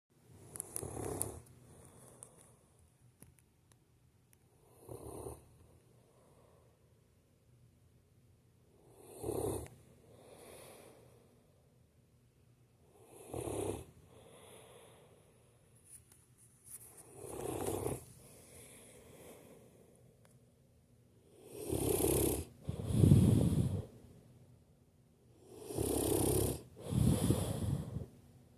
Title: Mastiff Snores n Snuggles